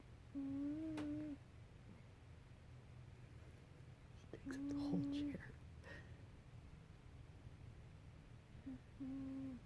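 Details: Overweight pet cat snoring while asleep.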